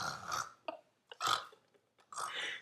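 Three short, rough, throaty bursts with brief pauses between them, sounding like repeated belches.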